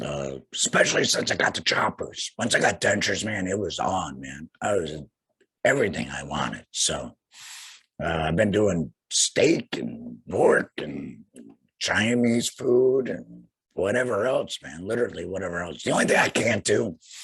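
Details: Tracheoesophageal (alaryngeal) speech in an adult man about two years after laryngectomy for head and neck cancer, followed by radiation, speaking through a vibrating flanged voice prosthesis.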